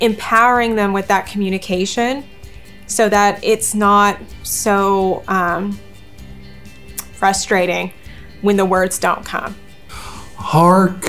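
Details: Adult speaker with background music; ordinary fluent speech.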